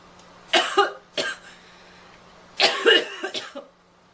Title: Girl Coughing 14